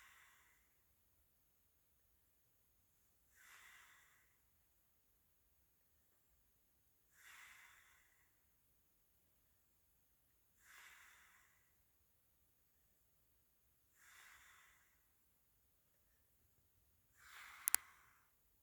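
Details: Sleeping person snoring in a quiet room: soft, airy snoring breaths recurring about every 3.5 seconds, about 17 per minute.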